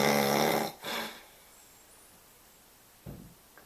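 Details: Adult man with a large belly snoring: one loud, rattling, buzzy snore on the in-breath, then a breathy out-breath and a faint short snort near the end.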